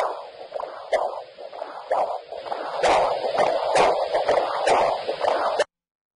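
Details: Doppler echocardiogram (heart ultrasound) of a patient with presyncope, done to check for a murmur a doctor thought she heard; the heart was apparently not the issue. Rhythmic whooshing blood-flow pulses, about 66 per minute.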